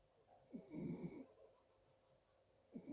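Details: Faint, soft snoring breaths in a quiet dark room, one longer snore followed by the start of another; light snoring.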